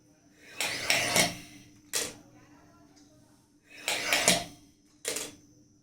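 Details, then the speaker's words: Physiotherapist without lung problems demonstrating inspiratory exercise on a three-ball incentive spirometer (triflow) for Covid-19 breathing exercise: several rushing, hissing bursts of air drawn forcefully through the mouthpiece. "तो inspiration कि साथ अंदर देने वाली exercise और experience बाहर छोड़ने वाली लगी तो दोनों का यह इंपोर्टेंट रोल है हम देखेंगे पहले में इंस्पिरेशन एक्साइज कर रहा हूं"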